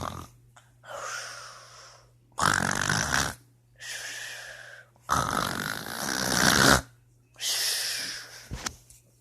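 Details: Loud, rough, rattling snores alternating with quieter breathy exhalations, roughly a dozen breaths a minute; heavy snoring.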